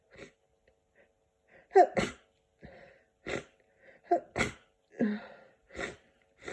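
A run of sharp sneezes, several preceded by a quick catching inhale, in a quiet room; repeated sneezing as with a cold.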